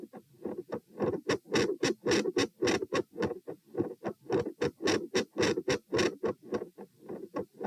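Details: Heart sounds recorded at position P while sitting, standing, then sitting, with the rate at 96, 108, then 96 bpm: phasic variation in S1 and S2 intensity with a split S2.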